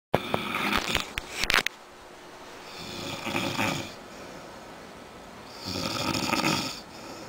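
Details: Man snoring after a night of drinking, loud "like a lion": rough, fluttering snores on successive breaths, with a few sharp knocks at the start; snoring.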